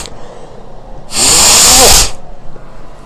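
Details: One long, loud, hissing sneeze of about one second, described as powerful and nasty, followed by nasal crust and a nosebleed; sneezing.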